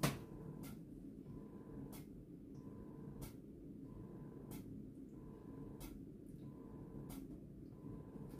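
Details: Spectra Synergy Gold electric breast pump during live pumping, switched to expression mode about two and a half minutes in: steady low motor hum with a soft click about every second as it cycles.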